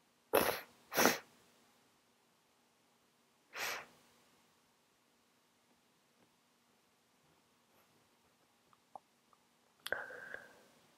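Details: Adult with a cold after flu, caught from a coworker's sneeze: three muffled, held-in sneezes in quick succession, a quiet pause, then a final short sneeze with a sniff; stifled sneezes.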